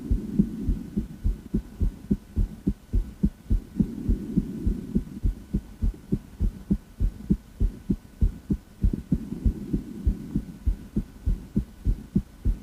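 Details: Female heart auscultated with a stethoscope: steady, regular heartbeat with paired thumps over a low background hum.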